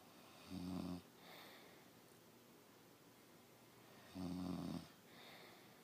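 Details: Adult man (fiancé, who claims he doesn't snore) asleep: two loud, low, rattling inhaled snores, each followed by a softer breath out, over steady room hiss: ordinary snoring.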